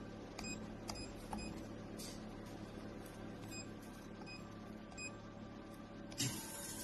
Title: 755nm Alexandrite Laser Hair Removal And 1064 nm Nd:YAG Laser PL-AY Max TEST Video Before Shipping